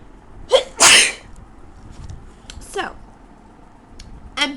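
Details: Several sharp, explosive sneezes in quick succession with vocal yelps between, in a quiet room at 3 a.m., from a person with a bad cold and a blocked nose, reportedly while drunk, in Australia.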